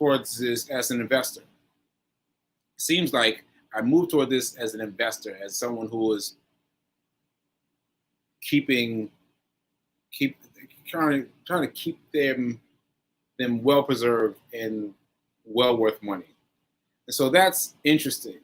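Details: Aphasia in a male stroke survivor, nearly a year after a stroke on 7/14/22 (recorded 7/4/23); he is still recovering and says his aphasia made adding up numbers difficult.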